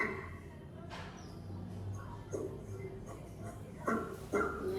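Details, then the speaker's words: A cat coughing during expiration: a few short, harsh, dry hacking bursts over steady background noise that can resemble retching; cough from feline asthma. "la expiración que la inspiración, porque acá está tosiendo. Entonces, vamos a ver."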